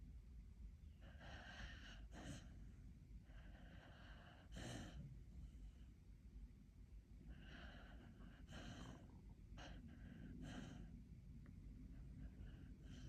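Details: Sleeping dog: repeated short snorting breaths with hissing airflow over a steady low background hum; snoring.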